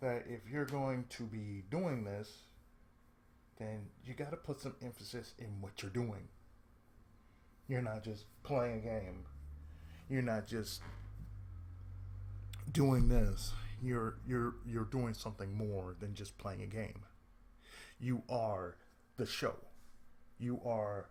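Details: Adult man with cerebral palsy, who reports speech problems since childhood and a lisp at times; speech affected by cerebral palsy.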